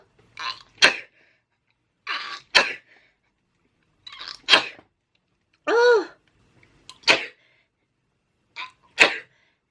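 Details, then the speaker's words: Sneezing fit in a person who reports 15 sneezes in a few minutes, watering eyes and runny nose: five sharp sneezes in about nine seconds, each preceded by a quick in-breath, with a short exclamation between two of them. "I've sneezed 15 times. Oh my god, I can't stop. And my eyes are really watering now."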